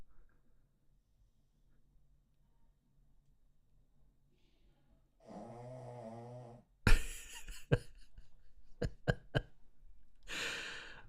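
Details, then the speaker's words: Sleeping female dog snoring: a single buzzing, rattly snore, followed by knocks and clatter in a quiet room. "you guys can see her snoring if that's something that excites you I don't know if it is"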